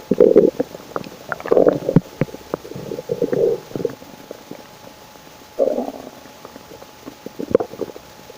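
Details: Several loud gurgling, rumbling stomach bursts with quiet gaps between them; stomach growling, ordinary bowel sounds (borborygmi) of digestion and hunger.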